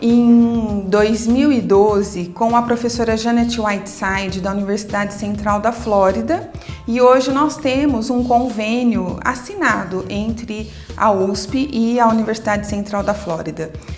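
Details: Adult woman speaking Portuguese; Normal speech.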